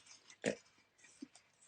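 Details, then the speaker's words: Snoring from the smaller of two pet dogs, heard in the background of a room during a card-crafting session. "and if you can hear snoring or a funny noise that is my dog snoring it isn't my stomach"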